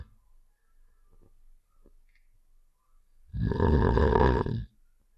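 A single loud, rough, rattling inward snore lasting about a second, after faint quiet noises; a game sound effect of snoring.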